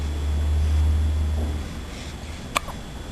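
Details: One sharp, brief hiccup click stands out over a loud, low rumble of background noise; hiccup.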